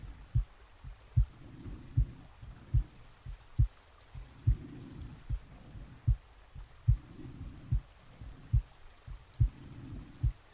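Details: Steady soft heartbeat about 72 a minute with slow breathing, really recorded from the chest during sleep, with added gentle rain; normal heart sounds.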